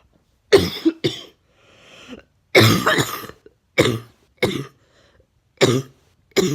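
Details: About seven sharp, loud coughs come in short bursts with a brief breath between groups; plain cough.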